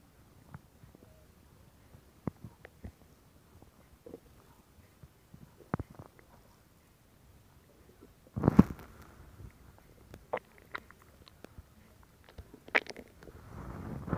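Quiet gurgles, pops and brief rumbles at irregular intervals, with a louder gurgle near the middle: ordinary stomach growling.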